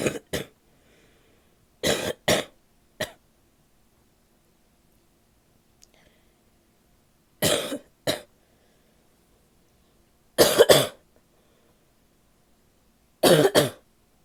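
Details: Adult woman with a wet, barking cough: repeated harsh, barky coughs in pairs with a loose, wet quality.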